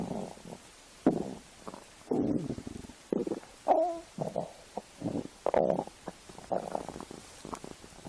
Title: My best stomach noises